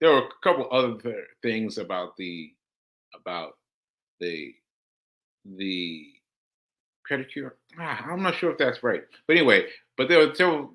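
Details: Man with aphasia after a stroke on July 14, about six months earlier, experienced when trying to communicate; aphasia.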